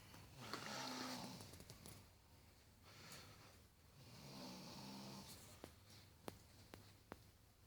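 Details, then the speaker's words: Wife, who says she doesn't snore, asleep with two rattling, buzzing snores on the in-breath a few seconds apart, with quiet room noise and faint clicks between; ordinary snoring. "she says she don't snore. Jesus Christ."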